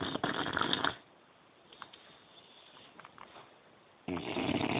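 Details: Two rough, rattling snores separated by a quiet pause with soft breathing noise; snoring.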